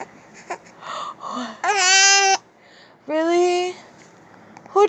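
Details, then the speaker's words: Infant with hiccups, crying in apparent upset: fussy babbling followed by two loud, high-pitched cries in a quiet room. "Those hiccups are bad, huh? They are bad."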